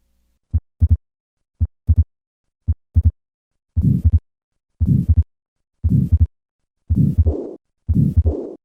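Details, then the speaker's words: Repaired tetralogy of Fallot, adult: residual pulmonary stenosis plus regurgitation at about 56 beats a minute; three normal beats, then a systolic murmur added, then a short diastolic murmur, with a widely split second heart sound. "listen to the combined murmurs of pulmonary stenosis and regurgitation i will start with three normal beats and then add the systolic murmur and then the diastolic murmur notice the widely split second heart sound"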